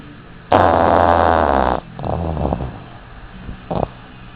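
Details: A sleeping dog napping gives a loud, rough, rattling snore lasting over a second, followed by a softer fluttering breath and a brief snort: snoring.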